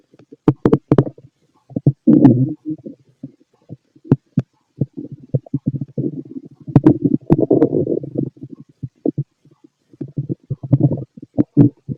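Irregular gurgles and clicks with bursts of rumbling, typical active bowel sounds of stomach growling.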